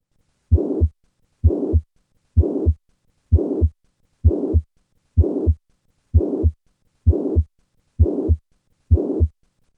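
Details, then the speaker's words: Simulated heart at about 65 beats a minute with a steady holosystolic blowing murmur of mitral regurgitation, heard standing and then squatting; the murmur increases with the higher afterload from squatting. "with the increase in afterload brought on by squatting the murmur of miter regurgitation increases listen to the change in a mitral regurgitation murmur with squatting"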